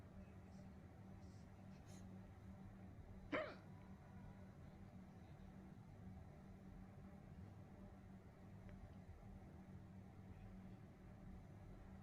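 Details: Woman hiccuping: a single sharp hiccup over a steady low road or engine rumble.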